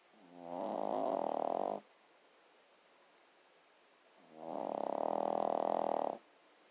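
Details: Dog snoring while asleep: two long, fluttering, buzzing snores separated by quiet pauses; steady snoring.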